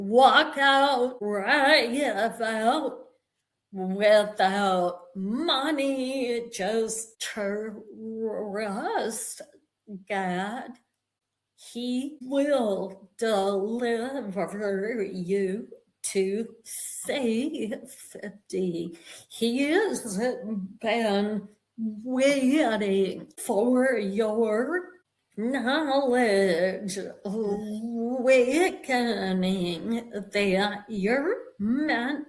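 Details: Woman with a real vocal tremor, described as physically manifesting after over 50 years of narcissistic and emotional abuse that began at age five; vocal tremor.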